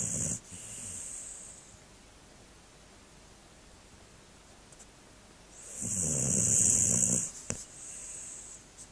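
Two noisy snoring breaths from a sleeping dog, one loud and rasping, with soft hissing between them.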